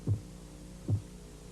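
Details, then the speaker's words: Phase 2 Korotkoff sounds during blood pressure measurement: soft low tapping beats about 75 per minute accompanied by a faint swishing murmur, following phase 1 tapping. "Al comienzo de la fase Korotkov 2, el golpeteo está acompañado de un murmullo o de sonidos de crujidos."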